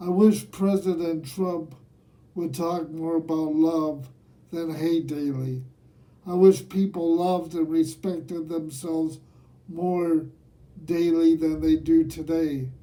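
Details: Dysarthria in a man aged nearly 67 who has lived with cerebral palsy, speaking himself.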